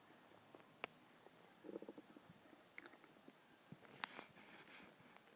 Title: Hungry stomach growls and noises (part 2)